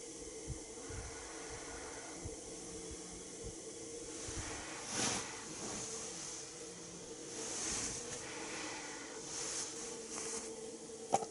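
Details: CPAP airflow at 12 cmH2O through a Philips Respironics Pico nasal mask during a fitting demonstration: steady soft hiss of pressurized air with a few louder puffs, ordinary CPAP airflow noise.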